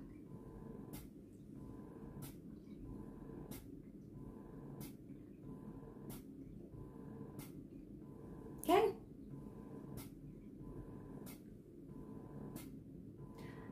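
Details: Spectra Synergy Gold electric breast pump in a live pumping demonstration: regular rhythmic mechanical pulses with a low motor hum, about one cycle every 1.3 seconds.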